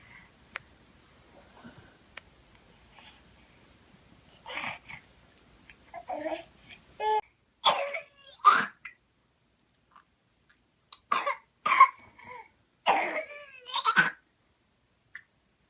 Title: Whooping Cough is So Rotten We Couldn't Post the Video